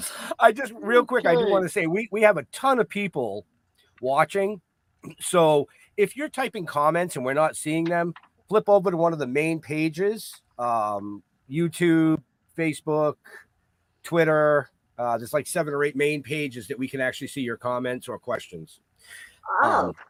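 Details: Adult male speaker; ordinary speech.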